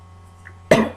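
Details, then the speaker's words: Single short, abrupt cough over a steady low room hum, from a speaker recording a TV episode review who says they sound a little funny because of a cough. "But sorry if I sound a little funny, I have a cough up in my mouth."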